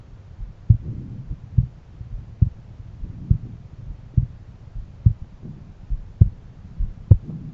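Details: Own heart auscultated with a stethoscope at different valve areas: regular low thumps at about 67 beats a minute, with a soft rubbing noise between beats.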